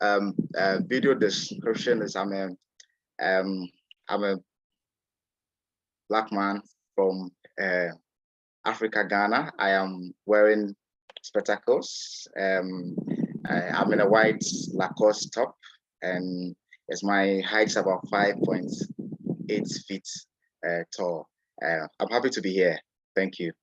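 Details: Adult man from Ghana who describes himself as a person who stammers, real recording of his own speech; stuttering.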